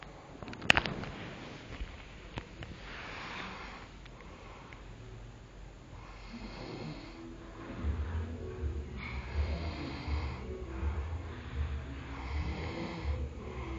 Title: roncando